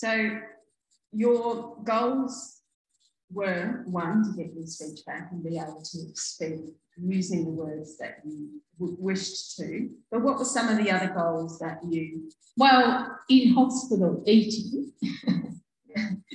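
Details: Adult speaker, possibly a second voice at the end; typical speech.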